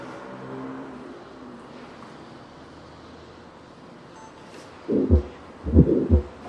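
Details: Heart murmur at the apical foci: after a quiet hiss, two loud heartbeats with a rough, rushing sound filling the gap between them.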